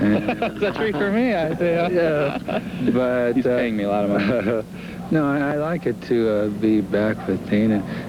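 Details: Adult man with aphasia from brain damage in a car accident 12 years earlier, still recovering; aphasia.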